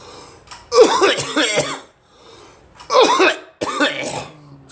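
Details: Adult coughing on request with phlegm mentioned as caught: three harsh, partly voiced coughing bursts, the first longest, with brief quiet breaths between them in a small room.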